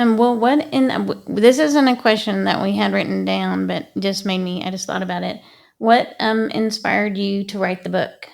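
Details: Adult woman; ordinary speech.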